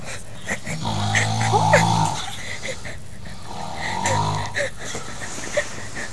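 Rumbling, growl-like breaths with a whistling edge repeat during sleep; loud snoring in a dog.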